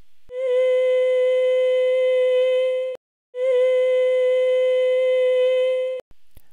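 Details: Voice at a higher pitch with a persistent air leak; examiner expects a continuous glottal gap on stroboscopy; breathy voice (glottal air leak)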